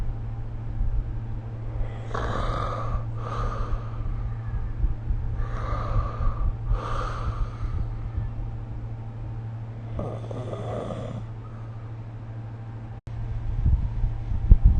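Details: Snoring during sleep recorded with the SnoreLab app: rough, fluttering snores on inhaled breaths in uneven bursts over a steady low hum of room noise.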